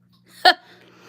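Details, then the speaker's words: Girl with Tourette syndrome during a livestream: a single brief, sudden voiced sound ("v") bursting out of near silence, a simple vocal tic. "yeah I did say v as a tick"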